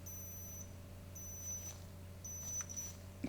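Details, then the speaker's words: Three short high-pitched beeps over quiet room hum as an oral digital thermometer under the tongue finishes its reading, showing no fever, in a simulated ASMR home visit after a fall down stairs with a head bump. "Okay. Give a few more seconds and it'll beep in a second."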